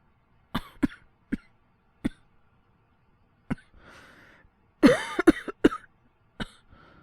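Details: Acted cough voice: a young male boyfriend character with a cold. Several short, sharp coughs, then a voiced throat-clearing cluster and one last cough in a quiet room.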